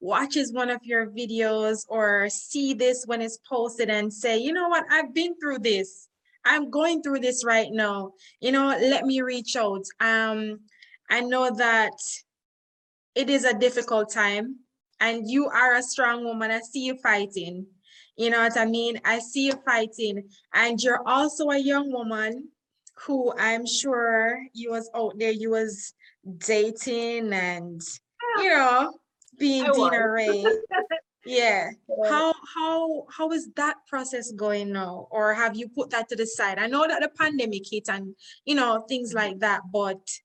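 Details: Adult woman speaking; normal speech.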